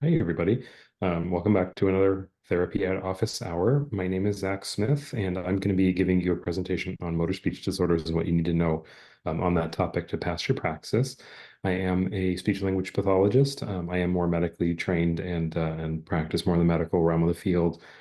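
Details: Adult male speaker; normal adult speech.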